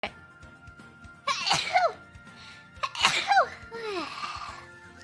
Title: Hololive Sneeze Compilation 37 Hololive EN #shorts